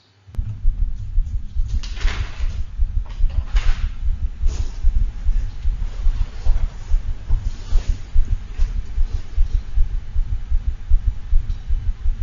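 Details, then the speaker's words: Six-month-old female Havanese with bounding arterial pulses: a loud, continuous murmur heard best at the left heart base in the axillary region, from patent ductus arteriosus. It runs as a low, unbroken rumble through each rapid beat and is easily missed without close auscultation. "this murmur might be a little bit harder to hear but this is a continuous murmur and it can be missed if you're not a sculpting closely enough"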